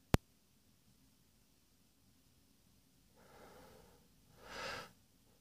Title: My first sneezing clip - one regular sneeze, one big sneeze (M)